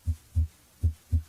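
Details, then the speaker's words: Normal heart sounds at the aortic area, right second interspace near the sternum, by stethoscope: soft, low, regular S1 and S2 without extra sounds or murmurs, followed by a brief louder noise. "identify s1 and s2 and listen for extra heart sounds and murmurs"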